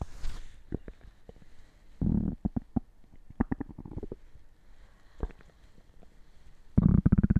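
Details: Low gurgling and bubbling stomach rumbles in irregular bursts: ordinary active bowel sounds (borborygmi).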